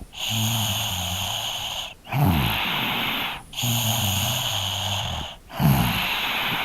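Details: 3-year-old child snoring during sleep, field-recorded with a Zoom H2N: rough, rattling snores on each in-breath, noisy out-breaths, about 32 breaths a minute, over room hiss.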